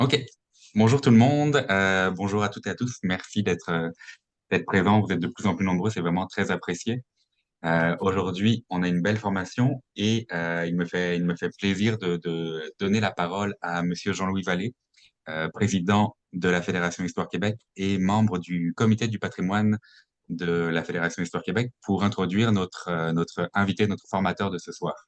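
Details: Adult male speaker; normal speech.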